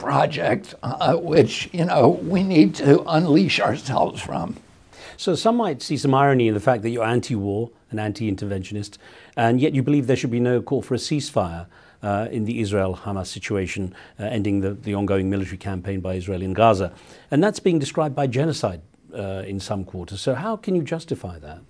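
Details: Adult male interviewer, with another speaker's words at the start; typical voice.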